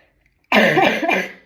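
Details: Cough from a woman who is ill and using an inhaler at home, with headache: a single throaty cough with a harsh, rasping quality, like a cough that is hard to clear.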